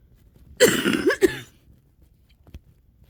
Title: lungs starting to clear (wet cough)